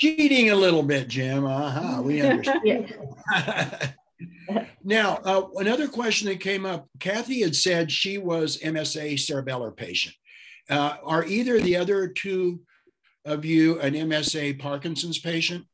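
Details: Adult man speaking; normal speech.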